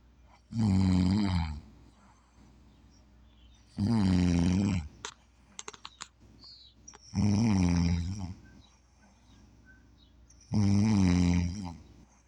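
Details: Ordinary snoring during sleep: loud, deep, buzzing snores on each in-breath, about 18 a minute, with faint clicks and room noise between.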